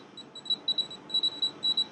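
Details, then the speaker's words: Dental apex locator signal during clinical root canal treatment on a patient: a Coltene apex locator in the distobuccal canal gives rapid high-pitched beeps as the file tip reaches the green apex zone, where filing stops. "I'm using the Coltin seix locator and again once it enters the green zone or the Apex Zone in the Apex locator we stop"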